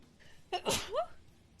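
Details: Streamer sneezing while live-streaming a game: a single forceful sneeze with a sharp intake before it and a voiced tail, against faint room noise.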